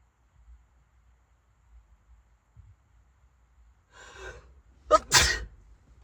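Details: Sneezing fit while driving, bad enough to pull over to avoid a crash: after a quiet stretch, a breathy intake, then two sharp sneezes close together.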